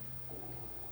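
A brief, low, gurgling growl of an empty stomach rumbling, with faint room noise behind it.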